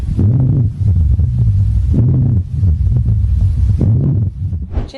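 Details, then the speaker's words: Stethoscope auscultation illustrating COPD (chronic obstructive pulmonary disease): low-pitched, snoring-like rumbling through repeated breaths, rhonchi. "சோசிஓபிடி பேஷன்ட்ஸ்கு லிட்ரலா குரட்ட விடுற மாதிரி இருக்கும். இப்படிதான்."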